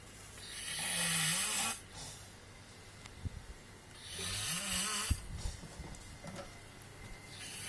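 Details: Snoring of a "black giant": two loud, rough snoring breaths with fluttering noise, about 4 seconds apart, in a quiet room; ordinary snoring.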